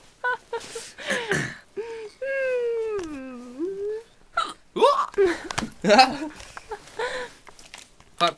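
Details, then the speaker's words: Person with sudden voiced gulps and yelps interrupting speech at irregular intervals, plus a drawn-out vocal sound: hiccups. "likes hiccoping like this."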